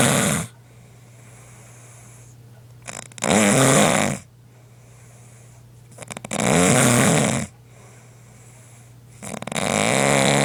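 Loud, rough snores about 3 seconds each, roughly every 3 seconds, with quiet gaps between; ordinary snoring in sleep.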